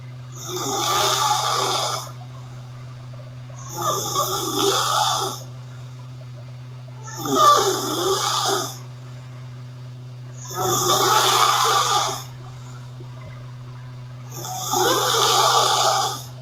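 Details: Loud, rattling snores on each breath from a sleeping girl, five in about sixteen seconds (roughly 18 breaths a minute), over a steady low hum.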